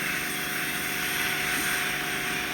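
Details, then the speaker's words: Endoscopic ear microsuction with a full-size tube after a blocked smaller one: loud steady rushing hiss of air through the tube with faint hum; noise lessens when the wax plug seals and fills the tube. "You can hear all the air passing now, can't you? And then when you can't hear that as much, you know that you've got a good seal and the plug is essentially filled up that tube."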